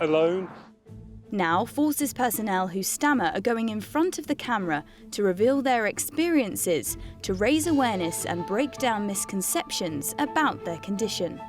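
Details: Adult female narrator; fluent speech.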